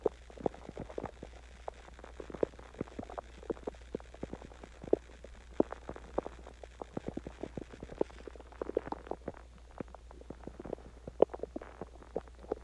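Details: Steady stream of bubbly pops and gurgles over low background hum; stomach growling (borborygmi) after eating Chinese food and drinking water.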